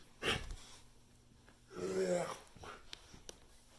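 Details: Dog with breathing difficulty: a harsh cough, then a drawn-out, honking, wheezy breath with smaller effortful sounds after.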